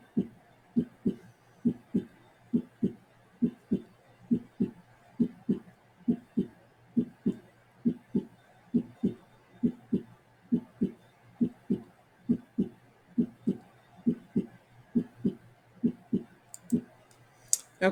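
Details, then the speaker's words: Gallop rhythm heard best at the apex with the patient in left lateral position: regular heartbeat around 67 a minute with an extra low thud each cycle (S3/S4 extra heart sound). "now please note when you document things like an S3 or an S4 or a Gallop or an extra heart sound you don't have to provide the diagnosis you just have to be able to recognize that you're hearing extra sounds and document what you're hearing"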